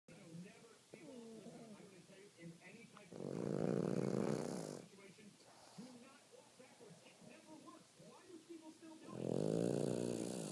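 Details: Loud, rumbling snores about six seconds apart, with background chatter between them; snoring.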